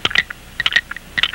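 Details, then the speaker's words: Mechanical ball heart valve click: sharp, dry clicks in small clusters as the ball moves with each heartbeat. "that's that little ball inside the valve which goes up and down with the palpitation of each heartbeat"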